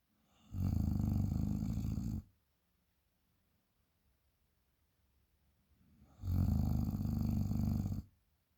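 Two long, loud, rattling snores on inhalation, separated by a quiet pause of several seconds; deep vibrating low-pitched snoring.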